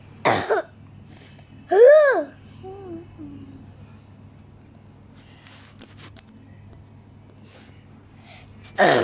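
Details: A short, harsh cough, then a rising-falling voiced sound and a few soft vocal noises, with another cough burst at the end over quiet room hum; cough.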